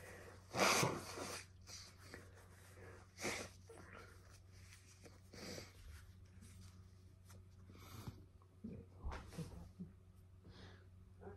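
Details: Adult wearing a heart monitor after hospitalization with atrial fibrillation and rapid ventricular response, while folding clothes to simulate work and reporting an itchy nose: one loud sudden sneeze, then faint sniffs and rustling.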